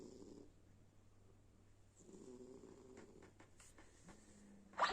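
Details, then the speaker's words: Sleeping pet snoring: soft, low rattling breath sounds with faint room noise; light snoring. "Так наш Боня храпит. Храпака даёт. Храпака даёт Бозя."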